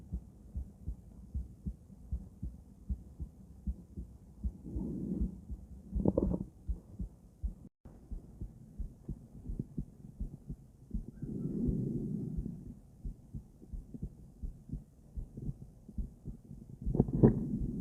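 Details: Female heart auscultated with different stethoscopes: soft, regular lub-dub heartbeats with occasional rubbing and handling noise; normal heart sounds.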